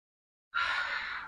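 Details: After silence, a single sudden, breathy intake of air, a gasp, from a patient during chiropractic adjustment for disc bulge and back pain.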